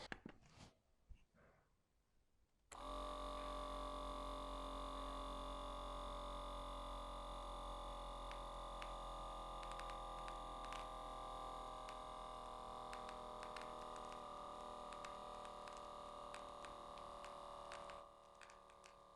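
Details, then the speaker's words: Digital upper-arm BP monitor (Certeza Citizen CH 452), home self-check, relaxed with cuff snug: click then steady ~15 s pump motor hum inflating cuff, then stops; reading 172, pulse 72. "यह button है यह first और और stop लिखा मैं इसको दबा दूंगा तो मिशन जो है मेरा बीपी चेक करना शुरू कर देगी"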